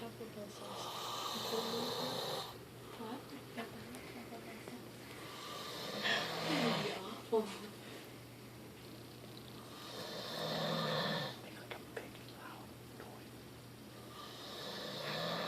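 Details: Loud, rough snores recurring about 4-5 per minute with quieter breathing between, over some room noise; ordinary snoring.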